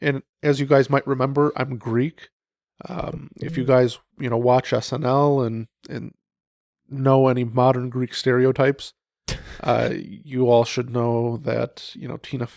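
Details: Adult male speaker; Normal conversational speech.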